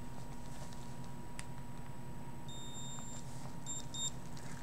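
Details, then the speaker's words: Digital thermometer beeping when the reading finishes, showing a fever of 37.8; the person had first measured under the arm at 36.5 and attributes it to being radiated: short high-pitched electronic beeps. "seven eight and did you hear a beep that's fever that indicates a fever 37 eight is above your your body range temperature range"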